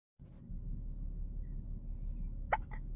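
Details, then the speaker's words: A quiet room with a low hum, then one short, sharp hiccup from a baby boy: ordinary infant hiccups. "Hi, Hiccup boy. Oh, Hiccup baby."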